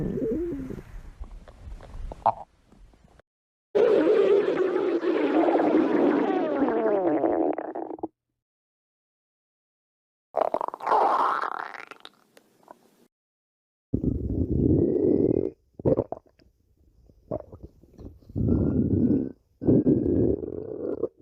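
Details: Irregular bursts of gurgling, squeaky rumbling separated by silences; ordinary stomach growling (borborygmi).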